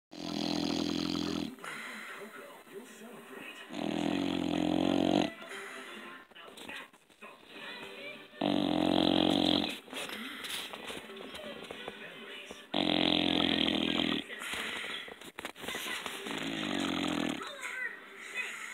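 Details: Sleeping baby snoring: loud, rough breathing sounds roughly every four seconds, with noisy gaps between them.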